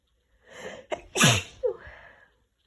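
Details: Female sneezing with a head cold: a building in-breath, then a sharp, explosive, wet sneeze and a short trailing breath.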